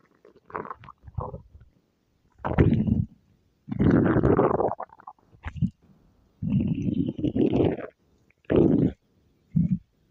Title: stomach growl